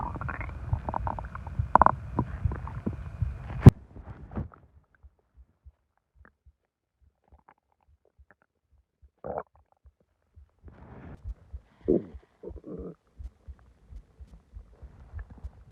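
Loud gurgling stomach growls and groans, then quieter intermittent rumbles and bubbling: ordinary bowel sounds after a large meal.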